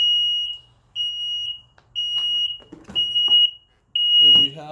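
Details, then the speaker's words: High-pitched apnea alarm beeping once per second with brief background talk, triggered after 20 seconds of no detected respiration while testing a Smartmonitor 2 apnea monitor on a simulator (variation 0.1, base impedance 200 ohms). "the response that we're looking for here is no respiration detection apnea light should illuminate an audible alarm should beep once per second after 20 seconds"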